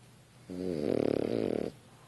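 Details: Female French Bulldog asleep on a couch: one loud, fluttering, buzzy snore about a second long rising into a rapid rattle; snoring.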